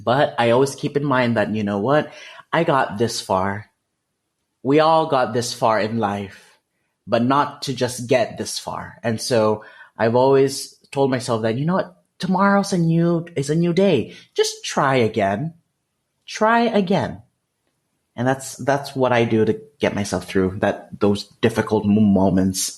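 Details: Lifelong developmental stuttering in an adult man who has had speech therapy since fourth grade; his fluency varies day to day with mood and energy.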